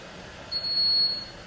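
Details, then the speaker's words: Single steady high-pitched half-second beep as a hospital powered air-purifying respirator (PAPR) unit turns off after its touch button is held four seconds; normal power-off tone. "remember you have to push and hold for four seconds in order for the unit to turn off okay"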